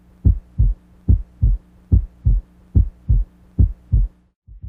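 Regular paired lub-dub beats at about 72 a minute, with a faint steady hum behind; normal first and second heart sounds.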